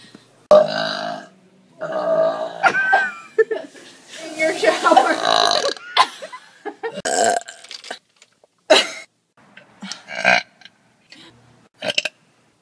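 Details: Deliberate burping recorded in 2013: a series of short and drawn-out voiced belches with brief talk in between.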